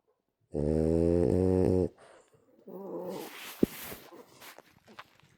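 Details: Sleeping rescue French bulldog giving one loud, buzzing, rattly snore on the in-breath, then a softer airy out-breath; snoring.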